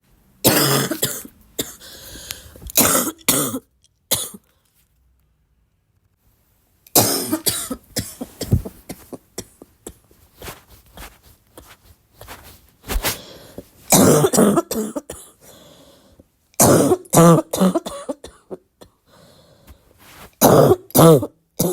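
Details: Adult congested barking cough: repeated bouts of harsh, loud coughs separated by short pauses, with throat clearing and snorting.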